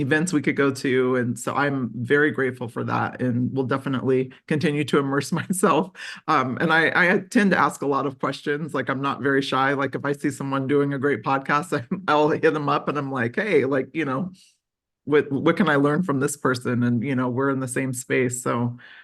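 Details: Adult speaker; typical speech.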